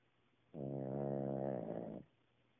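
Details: Cavalier King Charles spaniel snoring while napping, which happens usually: one drawn-out, buzzing, pitched snore lasting about 1.5 seconds, with quiet before and after.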